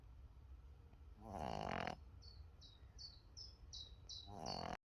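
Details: Sleeping Boston Terrier puppy snoring: two loud, buzzy breaths with a run of faint high squeaky whistles between them.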